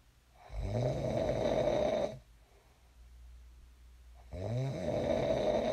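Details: Sleep snoring recorded for ASMR: long, deep, buzzing inspiratory snores with quieter breathing between, two in under six seconds; loud, ordinary snoring in a sleeper who later woke up.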